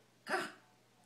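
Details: A single abrupt, brief voiced catch of breath, a hiccup, from a woman with persistent, painful hiccups while someone tries to distract her to stop them.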